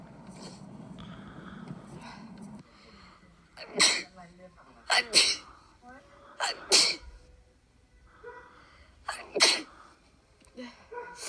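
Four sharp, explosive sneezes with short in-breaths before them, in a quiet room.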